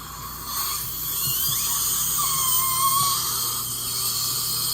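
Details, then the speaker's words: Electronic high-frequency ultrasonic scaler with water spray used by a hygienist to begin a teeth cleaning, breaking down tartar and stains: high thin whine, hissing spray, shifting squeals, soft background music. "so this is kind of like a power jet that uses water to diminish the heat from the high-frequency and maybe as a to break down tartar buildup as well as stains on my teeth"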